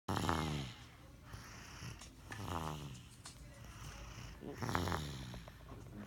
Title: my baby roncando 💤. Zoe is snoring 2/9/17